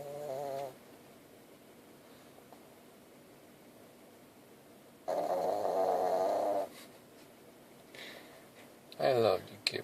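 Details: Tired male puppy asleep in the car after a long weekend of play and road-tripping, refusing to wake, with two or three buzzing, fluttering snores: ordinary dog snoring.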